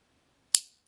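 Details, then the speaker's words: Acted ASMR chiropractor roleplay for TMJ, neck and shoulder pain: a spring-loaded adjusting instrument ("structural gun") fired on one side of the jaw gives a single sharp click. "so i'm going to start with a structural gun it's not a real gun but it just kind of pops the joint back into place so you'll hear a little clicking noise"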